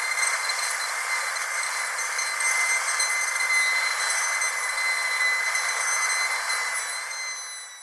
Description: Who is also afraid of the dentist? Then don't listen to this terrible sound of a dentist's drill, it is extremely painful in the ears.